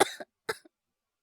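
Two short, light coughs, acted by an adult imitating a child with a cold.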